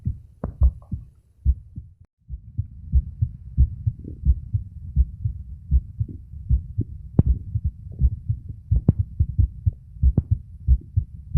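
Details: Adult male's own heart, recorded with a phone microphone at the auscultation spots: steady low thumps at about 90 a minute with some handling noise. Normal heart sounds.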